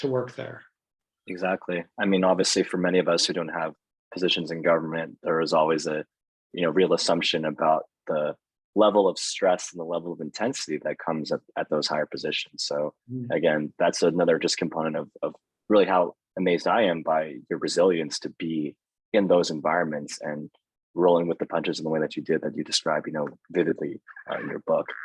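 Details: Adult man speaking; ordinary speech.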